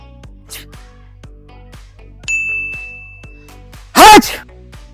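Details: Single acted sneeze: one loud sudden voiced burst of breath near the end over light rhythmic background music and a chime.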